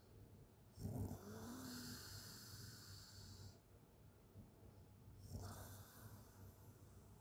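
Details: Open-mouth snoring from a sleeping person: long, rough snores on breathing in, with a quieter breath out between them; ordinary snoring.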